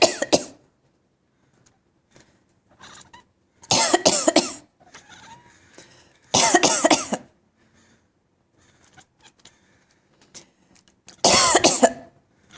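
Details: Cat giving four short bouts of harsh, rapid hacking bursts with quiet pauses; owner unsure whether she is coughing or laughing.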